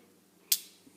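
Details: A single sharp spring-loaded click against quiet room noise: a lancing device fired while pressed on Rupert's paw pad to draw a blood glucose sample for a home glucose meter.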